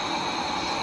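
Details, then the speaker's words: CPAP/BiPAP machine running on battery backup via an inverter, with no hose or mask attached: a steady, even, louder rushing hiss of open airflow, with high leak shown. "এখন hose pipe লাগা নাই mask লাগা নাই তাই মেশিনটা sound বেশি করতেছে"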